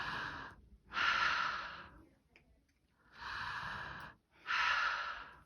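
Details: Normal breath sounds over the anterior chest, heard through the stethoscope diaphragm at sites from above the clavicles downward over a full inspiration and expiration: soft, airy sounds rising and falling with each breath, with no wheeze or crackles.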